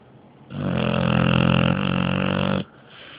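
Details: Sleeping dog snoring very loudly: one loud, low, rattling snore lasting about two seconds, rough and buzzing throughout; snoring.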